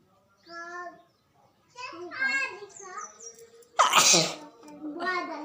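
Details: Child's voice, then one sharp, forceful sneeze burst followed by more vocalising; a single sneeze in a nose-blowing video.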